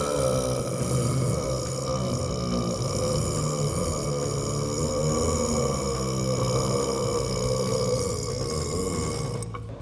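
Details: One long, continuous, deep burp rumbling steadily with faint room echo, an 18.1-second world-record burp at a burping championship; burping.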